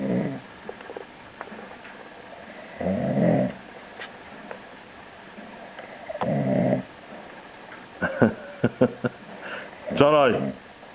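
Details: Sleeping man snoring so loudly others try to wake him: loud rumbling snores about every three to four seconds, then a few sharp clicks and a brief voiced whine.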